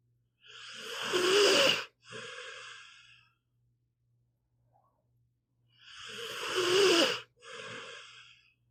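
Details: Snoring in a sleeping pit bull dog, audio only: slow, hissing, snorting breaths in and out with a faint rattle, about two cycles in eight seconds.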